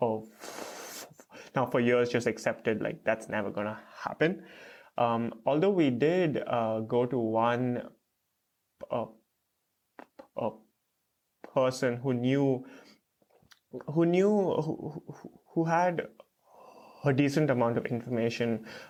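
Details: Stuttering with blocks in an adult man, a first-year PhD student, who has stuttered since about age 3 to 3.5.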